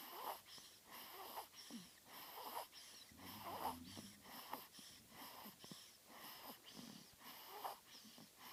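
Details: Two-week-old infant snoring: soft, whistling, snore-like noise on each breath, about 55 breaths per minute.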